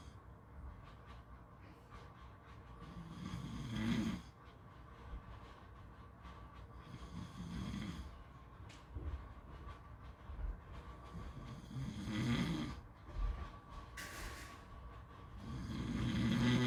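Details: Snoring: low rattling snores roughly every four seconds, about 15 a minute, over steady background noise.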